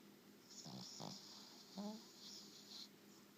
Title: Dog snoring!